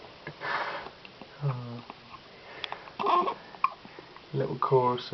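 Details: Newborn twin boys hiccuping at the same time: small, sharp catches and soft, squeaky infant sounds recurring every second or two, with sniffs in a quiet room.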